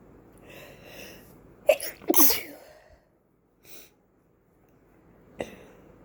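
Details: Sneezing in a person with an oncoming cold: an indrawn breath, then two quick, sharp sneezes in a quiet room.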